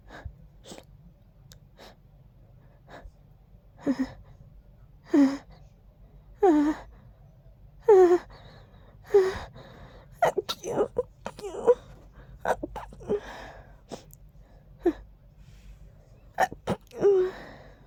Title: Breathy sneezing 🤧